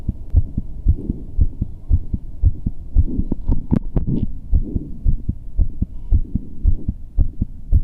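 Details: Steady, deep lub-dub thumps with a low hum between them at about 115 a minute, quick but regular: the heartbeat of a muscular man, a normal heartbeat.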